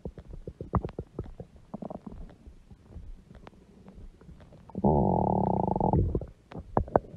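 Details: Adult woman's large belly making irregular gurgles and rumbles with one longer growl of about a second: stomach growling (borborygmi).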